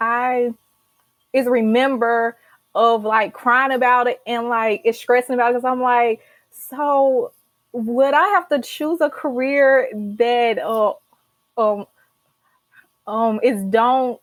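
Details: Stuttering in an adult woman, a senior college accounting student who stutters and began speech therapy in college.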